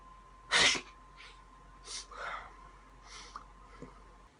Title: Different Sneezes🤧😷🤤